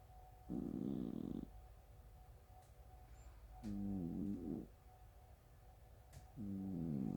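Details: Ordinary sleep snoring in a cat: three low, buzzing, rumbly snores with quiet pauses between, sounding almost like breaking wind.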